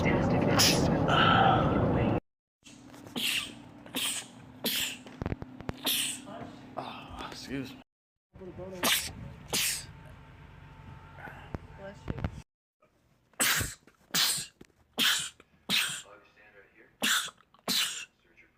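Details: Sneezing from a compilation of men's rapid sneezing attacks: a rapid series of short, sharp sneezes in quick succession against background talk and noise.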